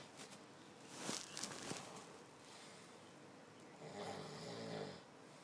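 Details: Adult man asleep: brief rustles and thumps in a quiet room, then a single loud, rattling snore on an in-breath; snoring persists even after he is kicked.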